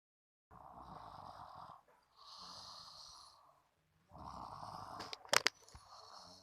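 Three long, rough, rattling breath sounds of snoring in sleep, both breathing in and out, with a brief rustle near the end.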